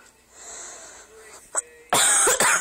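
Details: Faint room noise, then two loud, harsh coughs close together.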